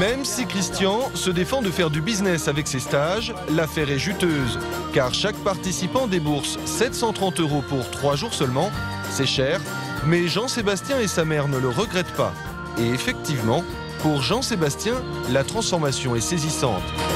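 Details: Adult male narrator; no disorder.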